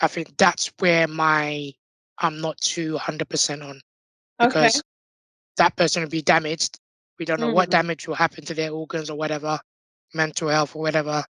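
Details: Adult man born six months premature with undeveloped airways, given emergency surgery at birth and living with a tracheostomy tube since; prematurity heavily impacted his vocal cords; tracheostomy voice.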